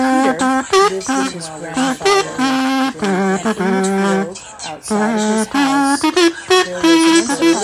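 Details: Simulated auditory processing disorder sensory overload: music and narration of Peter and the Wolf layered with background noise, making it hard to separate sounds, tell where they come from, or know which to ignore.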